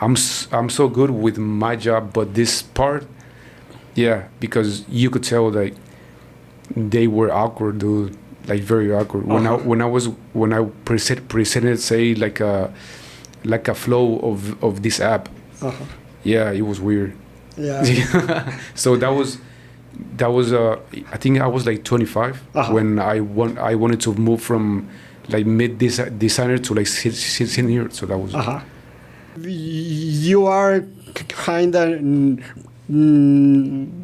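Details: Man in his 40s, born in Mexico and living in Texas, who has stuttered since about age five or six; his father also stutters and he believes it runs in the family; stuttering.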